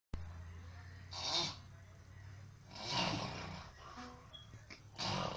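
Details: Man snoring heavily while asleep after drinking: loud, rough, noisy breathing in repeated bursts against a low background hum.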